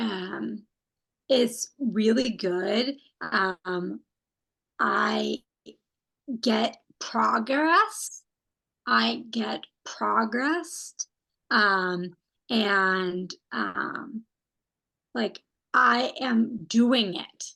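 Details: Non-fluent, agrammatic aphasia in a young woman after a stroke at age 27, with right-sided weakness; she is a stroke research study participant in an intensive 6-hour-a-day therapy program.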